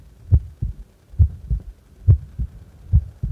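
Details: Resting heart, doing nothing: clear paired lub-dub beats, regular at about 69 a minute, with no extra sounds; normal heart sounds.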